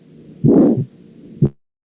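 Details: Aortic stenosis murmur.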